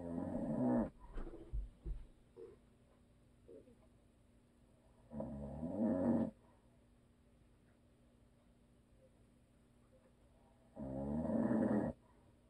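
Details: Husband's habitual snoring during sleep: loud, rough, rattling snores on breathing in, spaced about five seconds apart with quiet pauses between.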